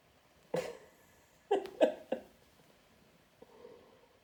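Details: A cat sneezing after rubbing excessively on a new pillow for a long time: several short, sharp bursts of air in quick succession in a quiet room; sneezing.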